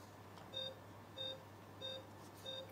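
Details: Regular short pulse oximeter beeps, about one every 0.64 seconds, over room hum, in an instructional ABCDE assessment; saturation reads 92% in a patient with prior snoring airway, alcohol odor, stabilized neck.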